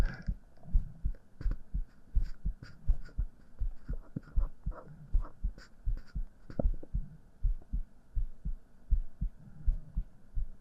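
Steady heartbeat of soft, low, paired thumps, about 80 beats a minute, with a faint hum behind it.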